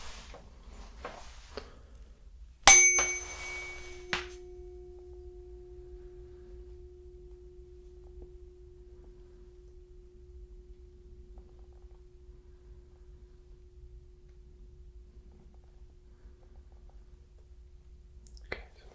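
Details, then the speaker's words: Simulated Weber test in an ASMR cranial nerve VIII exam roleplay: tuning fork struck and placed on the forehead, patient reports sound centrally; tuning fork tone. "the first test the we test I'm going to strike the tuning fork and place it just right there on your forehead okay and it's going to feel quite cold but just focus on the sound"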